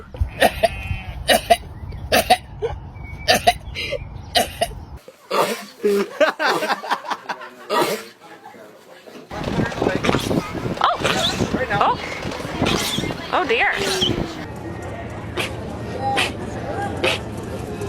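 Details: Sheep sneezing compilation: several short, sharp snorting sneeze bursts, with people talking, laughing and saying "bless you" in the background.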